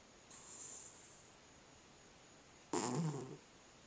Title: Cat Snoring